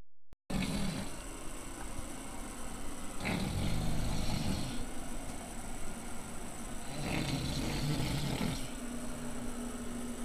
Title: Snoring Loudly.wmv